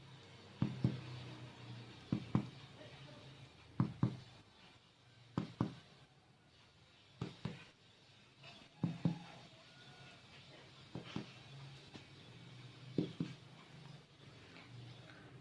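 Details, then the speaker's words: Percussion over all lung fields from apex downward, giving the normal resonant (sonor) lung percussion note on physical examination of an adult male patient. "kita akan melakukan perkusi semua titik di lapangan paruh dimulai dari atas dari avex ke bawah jadi normalnya suaranya akan Sonor"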